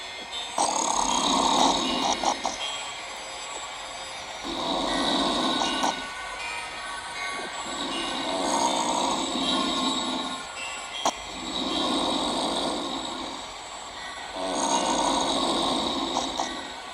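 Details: Loud, rough snores from a sleeping grandmother with each breath, about four breaths in 17 seconds, over steady background hum; ordinary heavy snoring.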